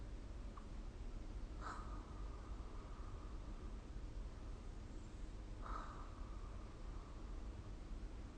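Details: Snoring during sleep recorded with the SnoreLab phone app: two rough, rasping snores about four seconds apart over a steady low hum.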